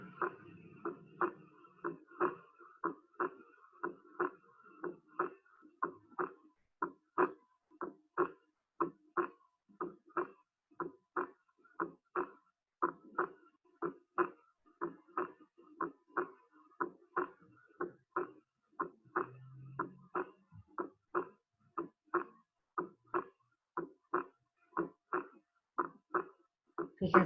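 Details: Crisp, slightly higher-pitched normal second heart sound (S2), from aortic and pulmonary valve closure at the start of diastole, heard with the stethoscope diaphragm over the aortic and pulmonary areas; steady rhythm about 60 beats per minute.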